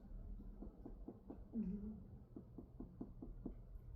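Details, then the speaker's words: Abdominal percussion during a physical exam teaching demonstration: a rapid series of soft, hollow finger taps whose notes change depending on whether they fall over solid or other underlying tissue. "It's a little different here. Those sound those sounds change based on uh whether we're over like a solid"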